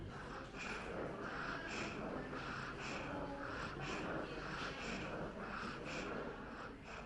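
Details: Fast, noisy breathing in a child with a whistling sound on each breath out: expiratory wheeze, contrasted with stridor.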